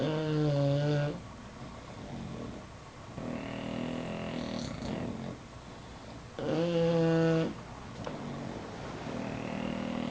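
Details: Bulldogs asleep, snoring: loud, buzzing snores on in-breaths with quieter rumbling snores between, roughly every three seconds.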